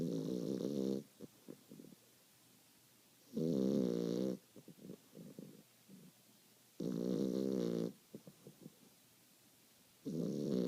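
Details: Loud, rumbling snores about every three and a half seconds (roughly 18 a minute) with soft puffing snuffles between them: snoring during sleep.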